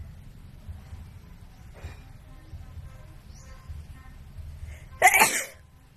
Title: WIDE NOSE SNEEZES Philippines.